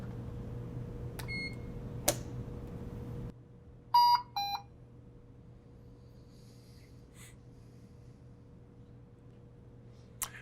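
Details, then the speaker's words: A Puritan Bennett 560 ventilator is switched off and back on to go from setup to normal ventilation mode: a steady hum stops with a click, then short beeps and tones follow as it powers up. "So at this point I need to turn the unit off and back on to get in the normal mode of ventilation. So I'll do that now. And then we'll turn it back on."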